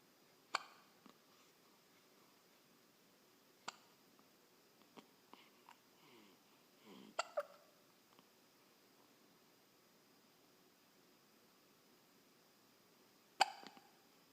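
Quiet room with a few sharp, brief gulping clicks spaced irregularly, plus soft vocal sounds; hiccups.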